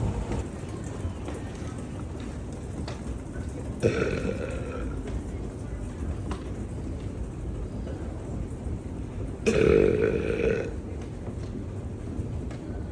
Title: Burping at the store